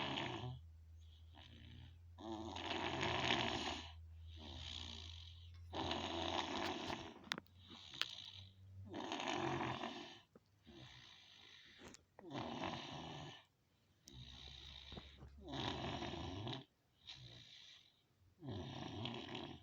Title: my brother snoring